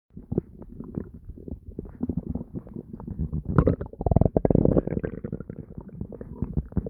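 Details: Active bowel sounds (borborygmi): continuous low gurgling and bubbling from the abdomen with a louder deep growl midway.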